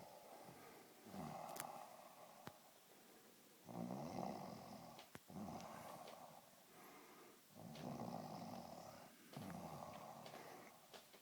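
Rough, rumbling snores repeat with each breath, about 5 in 11 seconds, with occasional snorts and grunts. A sleeping dog snoring.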